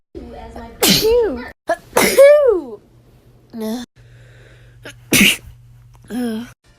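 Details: Repeated sneezing from a year-long sneeze collection: several sharp, explosive sneezes, some with a voiced drawn-in breath before, separated by short pauses, over a steady low hum.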